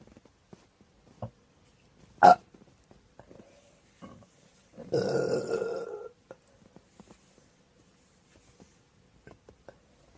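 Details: ASMR clip of a person with hiccups after drinking too much cider: a sharp hiccup-like gulp, then a single drawn-out rumbling burp lasting about a second, in a quiet room; belching.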